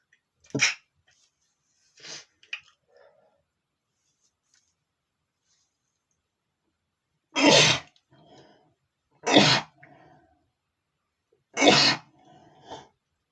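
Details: Two faint stifled sneezes, then three loud, sharp sneezes with short breaths between, from a male trying to hold them back.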